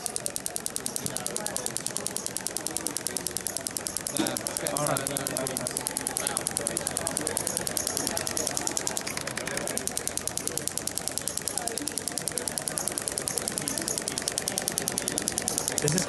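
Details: Olympic athlete, shoulder muscle treated with shockwave (ESWT); rapid steady ticking clicks about three a second with muffled background talk.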